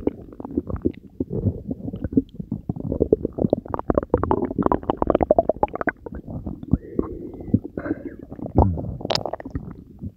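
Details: Frequent bubbling, rumbling gurgles, normal borborygmi of active digestion from one's own belly after consuming Diet Coke and Mentos, recorded for ASMR.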